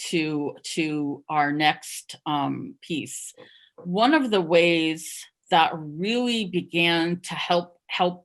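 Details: Stuttering in an adult who stuttered covertly for over 30 years, with repetitions of words and syllables; stuttering.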